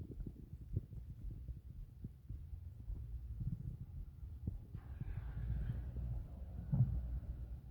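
Low gurgling and rumbling with scattered soft pops, stomach growling from gas and fluid moving through the gut.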